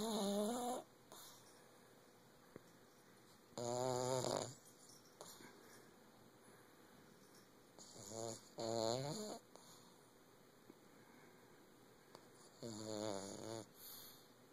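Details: Sleeping pug: loud rattling snores, about four bursts over fifteen seconds, separated by quiet breathing, with steady room hum; snoring.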